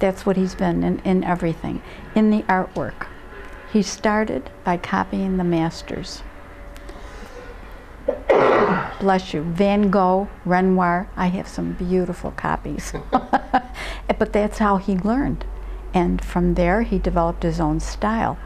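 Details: Adult speaker, likely female; Normal conversational speech.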